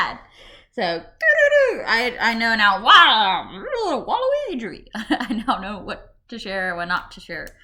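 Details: Vocal tics in an adult with Tourette syndrome, a brain disorder causing uncontrollable sounds and movements; speech may include vocal tic interjections.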